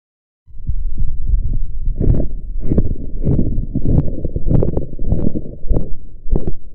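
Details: Blood pressure measurement practice with sphygmomanometer and enhanced audio: repeated low tapping thumps through a stethoscope during cuff deflation with rustling background noise, Korotkoff sounds.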